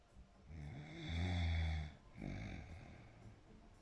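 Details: Snoring: one deep, rumbling snore, followed by a softer breath out.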